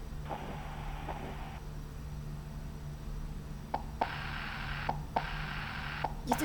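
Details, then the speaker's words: Heart sounds with a hissing diastolic murmur filling the pauses between beats; the speaker suggests it could be mitral insufficiency, and a click is mentioned in systole. "este es un soplo diastólico no es un soplohistórico que podría ser una insuficiencia mitral"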